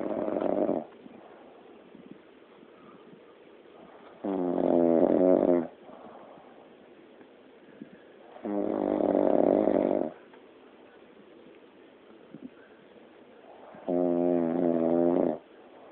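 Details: Adult woman (wife) snoring during sleep: long, buzzing, rattling snores, each about one and a half seconds, recurring every four to five seconds over steady room hum.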